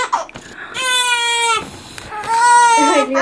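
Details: Infant girl crying, a baby cousin: two loud, clear crying bursts with a brief pause between them in a small room.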